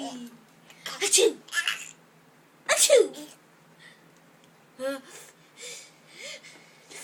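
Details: Sister sneezing twice, each a sharp burst, followed by giggles and squeals of laughter from her 8-month-old baby brother.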